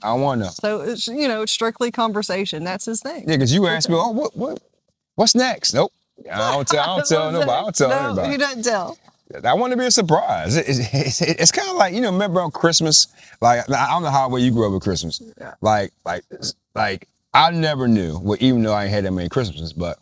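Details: Stuttering in an adult male podcast host with a bad stammer since childhood that persists now, especially when asking written-down questions; improved after a teacher advised slowing down and breathing.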